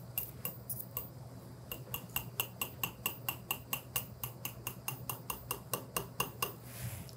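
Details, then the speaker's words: Sharp metallic taps about twice a second, around twenty in a row, as a surgical mallet drives a guide wire into good hard pelvic bone during transiliac transsacral fixation. "I'll take a multi. I'll take the mallet. Please"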